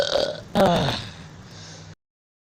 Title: Jingle Bells burping 2